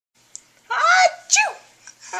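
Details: Someone sneezes: a short intake followed by a loud, explosive burst and a second sharp sound in a small room; a sneeze.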